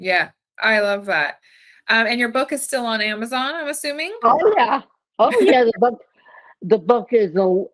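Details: Adult woman speaking, possibly with a second voice replying; typical speech.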